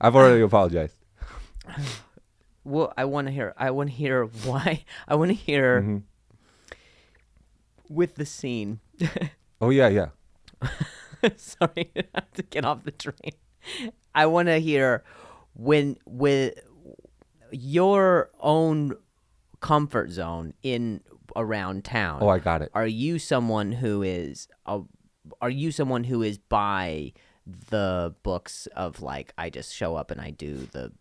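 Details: Adult male with stuttering that began after an injury and has improved a lot since; this clip has part-word and whole-word repetitions.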